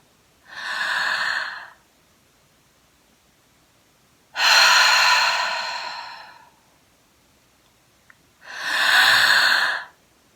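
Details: Three deep, noisy breaths separated by silent breath holds, from an adult on about day 20 of COVID-19 symptoms with recurring fever near 102°F, doing a breathing exercise of deep inhalations held five seconds each.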